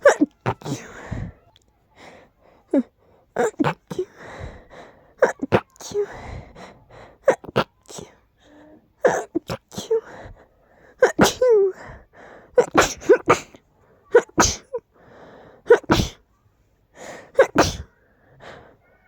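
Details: Allergies acting up: run of loud, powerful, explosive sneezes, many in close succession, with short indrawn breaths between; sneezing.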